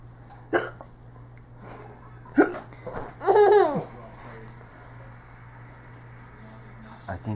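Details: Hiccups in a little brother with his older brother beside him: two or three sharp, brief voiced catches amid the child's sounds and quiet room noise.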